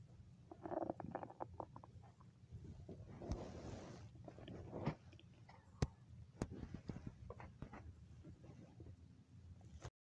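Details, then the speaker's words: Low gurgling and rumbling stomach sounds with scattered clicks over room noise, from a person who says their stomach is making noise and they need to eat; ordinary stomach rumbling (borborygmi). "It's Sunday and my stomach's making noise. Well, it was making noise."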